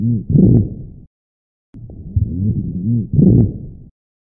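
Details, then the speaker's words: Real lung sound recording of rhonchi, played slow then real time: continuous low-pitched snoring, gurgling sounds on breath sounds during inspiration and expiration, from secretions in the airways. "in summary ronkai are continuous low pitch snoring sounds they occur during inspiration and expiration since these sounds are associated with the presence of secretions coughing can be effective in clearing them"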